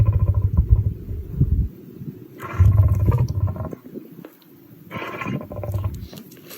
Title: #shorts A sneezing Lion will never get old!!! #animals